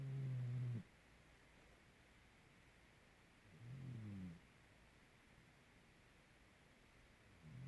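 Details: Snoring during sleep, recorded to show breathing rate: slow, low-pitched rumbling snores about every three seconds, roughly 17 to 20 breaths a minute, in a quiet room.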